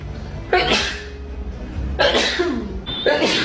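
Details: Sneezing run over a low background hum: three sharp, explosive bursts of air in quick succession.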